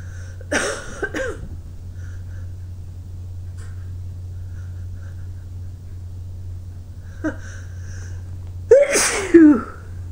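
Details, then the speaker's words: Person with tickling nose, watering eyes and sore throat from sneezing: a bout of powerful sneezes, several in quick pairs with quiet gaps, over a steady low hum. "Oh, my throat is hurting from all the sneezing. It's so powerful."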